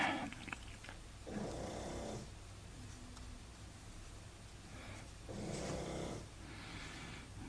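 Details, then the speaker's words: Pug snoring in the background: two rough, rattling snoring breaths over about seven seconds against low room hum. "that's my pug snoring in the background that you can hear"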